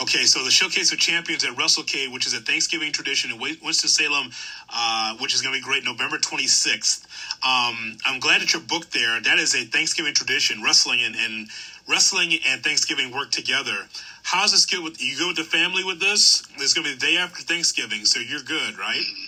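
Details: Adult male speaker; typical speech.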